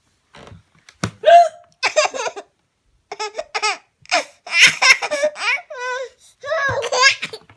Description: Baby laughs hysterically at mom hiccuping